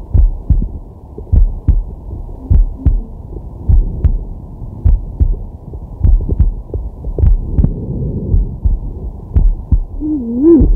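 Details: Normal heart sounds of a man resting, recorded with a digital stethoscope on the chest: steady lub-dub heartbeat with deep inhales and exhales.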